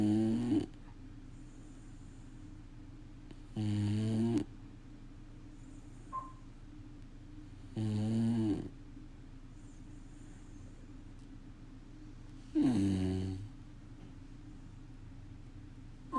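Loud, low, rumbling snores in four regular bursts, about 14 a minute, over quiet room noise: snoring.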